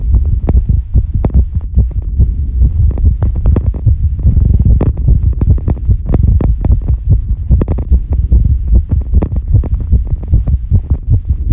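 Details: Female heartbeat recorded after squats, during recovery: loud, rapid heart thumps of about 146 beats per minute over a heavy rumble; fast heartbeat after exercise.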